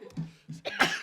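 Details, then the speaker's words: Adult coughing on request just after inhaling smoke, giving a few short, harsh cough bursts in a small room. "let me hear that cough come on don't hold it in"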